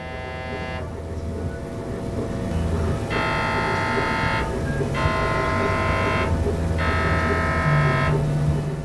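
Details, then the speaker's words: MRI brain scan, patient given earplugs and earmuffs: loud, buzzing, rapidly pulsing tones in repeated blocks about a second and a half long over a steady hum; MRI scanner noise. "they give you earplugs and protective earmuffs because the noise this thing makes is intense"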